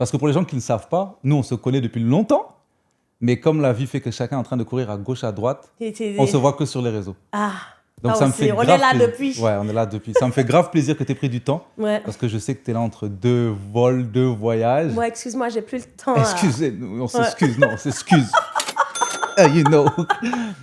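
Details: Adult male speakers in conversation; normal conversational speech.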